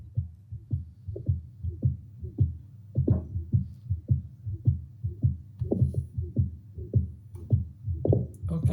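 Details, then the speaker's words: Heart auscultation recorded through a connected stethoscope during teleconsultation: regular, low, dull heart thumps at roughly 105 beats a minute. "on va essayer de vous faire écouter donc une occultation cardiaque"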